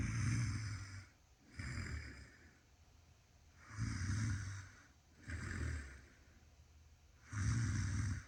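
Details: Loud, rough, low-pitched snores on each breath, about 16 breaths a minute, with quiet pauses between them, from a sleeper who denies snoring despite being filmed; ordinary snoring during sleep.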